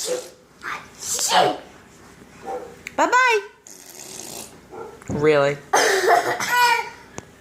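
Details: Young child laughing at repeated sneezes ("achoo"); short sneeze-like bursts mixed with the child's laughter and voices; sneezing.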